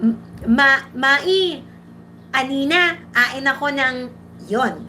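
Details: Speech-language pathologist acting out a child's speech, dropping sounds such as /k/; imitated articulation disorder (speech sound omission).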